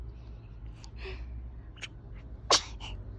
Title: 갓난아기 배냇짓 미소, 아기 재채기, 하품 / Korean baby / a newborn baby smile